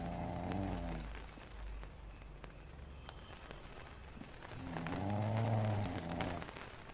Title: Snoring sleepy tent ambience #shorts